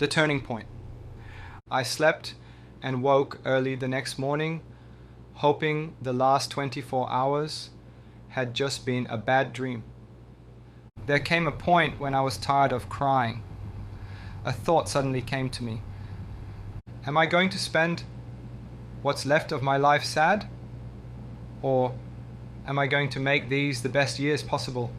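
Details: Dysarthria from bulbar weakness in a man with ALS (motor neuron disease), slurring since late 2023; self-described weak, labored voice from weakening throat muscles, breathlessness when speaking; expects eventual loss of speech and swallowing.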